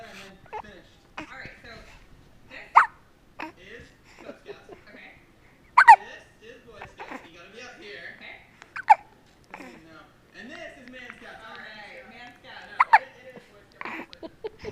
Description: Baby's got the Hiccups. So Cute!